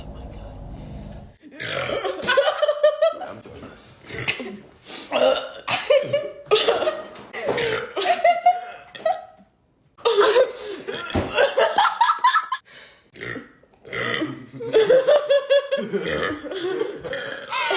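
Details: Several loud, drawn-out burps in a row, with laughter and talk between them; burping.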